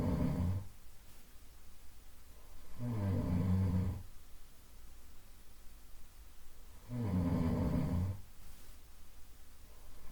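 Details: Soft, low nasal snoring from a 15-minute sleep-ambience loop meant to simulate a partner's presence, recurring steadily about every four seconds, roughly 15 breaths a minute.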